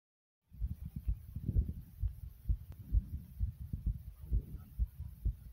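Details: Own heartbeat recording with the stomach growling midway: regular low thumping heartbeat at about 64 beats a minute with faint rumbling stomach sounds underneath; normal heartbeat.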